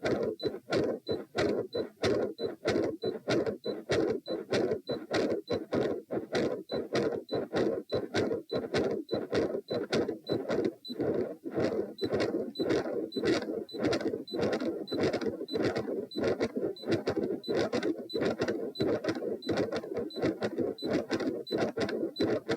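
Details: Heart sounds during Valsalva, lying, in a patient with known right-to-left shunt via PFO/ASD; about 98 a minute with a steady whooshing between beats over ECG monitor beeps; questioned PDA-like continuous machinery murmur.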